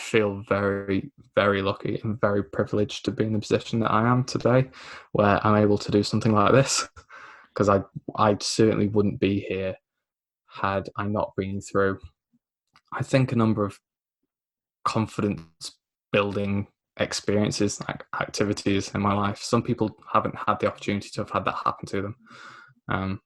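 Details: Man aged 24 with a lifelong stammer (dysphemia), mainly blocking, self-described recovering stammerer after the McGuire programme at 15; stuttering (stammer)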